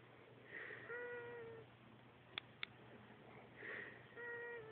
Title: Man snores like a kitty cat